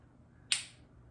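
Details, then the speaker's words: A single sharp, crack-like snap: an intravascular lithotripsy pulse from a Shockwave C2 balloon in a wet demonstration model, in a quiet room. "I'm going to stop when the calcium cracks. And after two pulses, that calcium was cracked."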